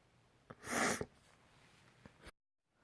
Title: Spring Sneezes